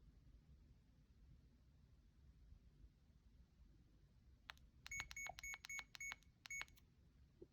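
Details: A quick run of short, high electronic beeps in a quiet room from a CADD infusion pump keypad in PCA mode, saving a mock 1 mg/mL concentration for a morphine or midazolam cassette.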